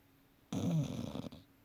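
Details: One short, rough snorting snore on an in-breath in a quiet room; a single sleep snore.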